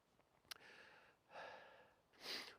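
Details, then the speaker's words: An adult with a cold, chesty cough and runny nose while hiking gives several hissing nasal sniffs in a row, sniffing from nasal congestion. "I started with a bit of a cough and a cold at work um so yeah I've got a bit of a bit of a chesty cough going on and a sniffling nose"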